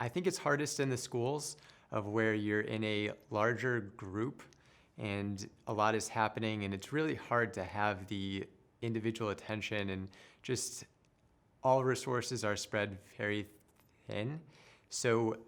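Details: Adult man who stutters and later became a speech therapist; stuttering.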